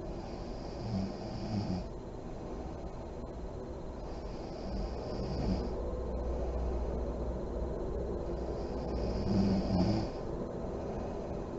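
Low, fluttering snores with soft lip-blowing puffs, partly masked by a steady background rumble; snoring during sleep.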